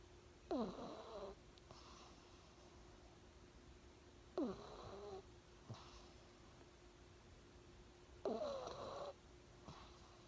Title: Thunder pug snoring